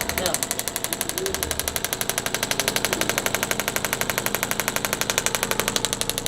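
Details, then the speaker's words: Radial shockwave therapy device on a woman after total hip replacement, rapid regular sharp tapping about four pulses per second, counting down about 2,000 pulses per treatment area. "And it counts down the pulses that it's doing. So, it only does a certain amount."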